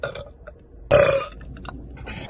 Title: burping